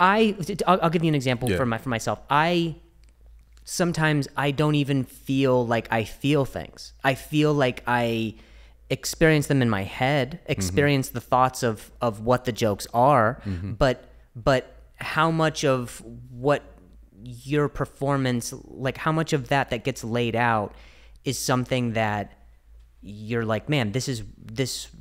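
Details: Adult male podcast host described as fighting through a stutter; word repetitions heard, consistent with stuttering.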